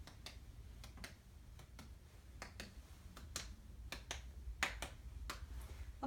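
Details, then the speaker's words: Abdominal percussion in a male patient: tympanic note in all four quadrants, heard after auscultation found active bowel sounds present in all four quadrants. "there's timpani in all of the four quadrants, and I'm going to go ahead and lightly percuss."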